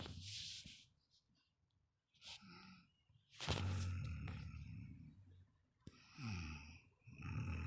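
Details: Heavy snoring: loud, rough, rattling snores on the in-breath, about 16 breaths a minute, with quieter gaps between.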